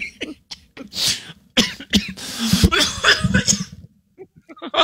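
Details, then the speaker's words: Run of harsh, forceful coughs in quick bursts with throat clearing from an adult man choking on a toasted coconut breakfast biscuit that went down the wrong pipe; he says he doesn't really have a cough. "Oh my God! I can't stop coughing. Give me the toasted coconut, Daddy. Oh, I'm choking on it, Daddy."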